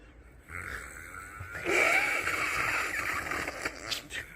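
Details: Snoring recorded during a snoring-therapy session: one long, rough, rattling breath lasting about two seconds, with faint room noise.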